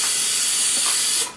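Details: Brief loud hiss of an aerosol spray, about one second, cutting off sharply: cold spray for a tooth vitality test, applied buccally during diagnosis of a patient.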